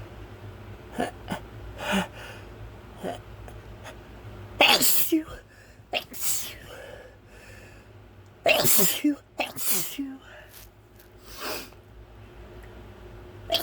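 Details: Repeated induced sneezes, described as pepper sneezes, in several strong bursts with smaller catches and breaths between, in quick irregular succession.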